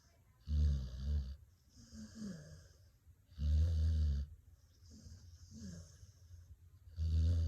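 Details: Dog snoring: loud, rough, low snoring on each breath in, softer sighing breaths out, about 18 breaths a minute.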